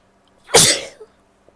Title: stifles, sneezes and a nose blow (f)